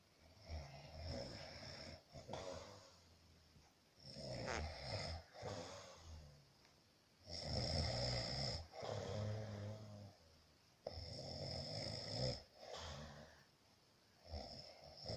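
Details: Sleeping father snoring: deep rattling snores on each inhalation with softer exhalations, about 12 breaths a minute, in a quiet room.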